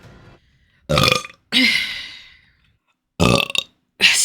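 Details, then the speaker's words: Vtuber burping: three loud, drawn-out belches separated by short silences, with a quieter sound at the start. "there was another one. I knew it was coming. Again, I took a really big drink of water and it just keeps coming"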